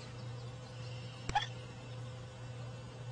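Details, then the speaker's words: Baby female bat with hiccups after drinking too fast: a single brief, sharp chirp-like hiccup over a steady background hum. "She had the hiccups. The bat has the hiccups."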